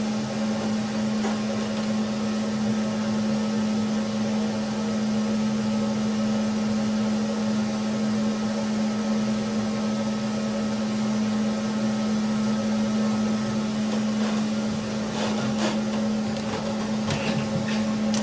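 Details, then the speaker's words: Steady low droning hum with a faint airy hiss: a dental suction unit running continuously in an orthodontic lab while upper and lower teeth are reset for spring aligners. "all right hopefully you can hear me over the suction about to turn down here"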